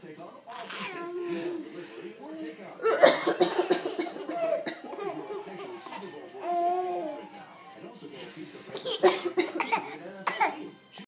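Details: Adult gives several sharp, harsh coughing bursts in a small room while a young child laughs loudly in between; cough.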